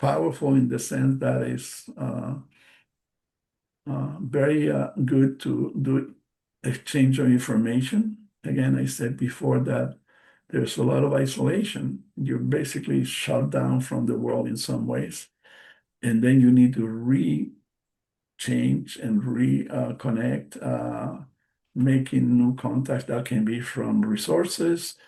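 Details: Adult bilingual man with aphasia after a stroke in March 2020: post-stroke aphasia.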